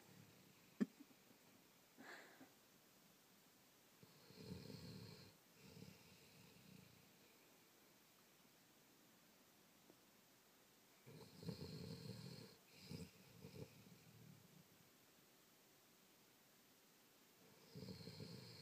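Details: Sleeping pet snoring: soft, low rumbling snores in slow irregular bursts with long pauses between them; snoring.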